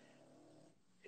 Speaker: you hear that that was my dog snoring it was amazingly loud buddy